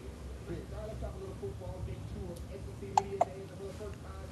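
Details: Baby girl at 6 weeks old with hiccups that started to upset her after a few minutes: two sharp, brief hiccup bursts in quick succession over a quiet background with soft tonal room sound.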